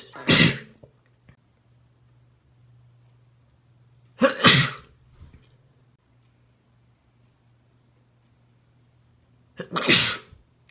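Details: A male sneezing: three forceful, wet-sounding sneezes spaced several seconds apart, each preceded by a brief catch of breath, with quiet hum between.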